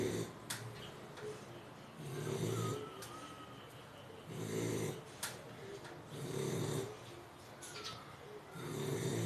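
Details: American bully dog snoring while sleeping: steady low snores roughly one breath every two seconds, with soft snorting noises.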